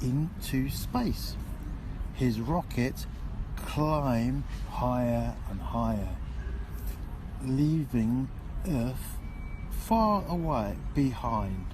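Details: Aphasia in an adult man, recorded reading a sentence after speech and language therapy; his words were jumbled before therapy, and he is now clearly better but not perfect.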